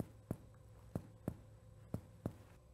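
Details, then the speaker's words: Five low, hollow thuds from finger (plexor on distal middle finger segment) tapping the chest, other hand kept off, each brief with a soft ringing tail: normal resonant percussion note over air-filled lung, teaching demonstration. "that perfectly describes the chest right so let's take a listen to see what the sound of resonance sounds like"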